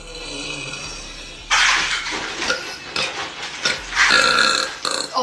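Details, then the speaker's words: Woman burping; several loud, rough, drawn-out belches in a row against room noise, afterward saying something got stuck and it is much better. "that got stuck oh much better that is much better"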